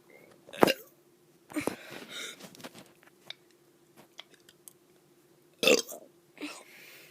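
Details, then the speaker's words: Child doing deliberate, forced burps (voluntary belching) in brief bursts separated by quiet gaps, over a faint steady room hum. "Hey guys, I'm going to be doing some burps."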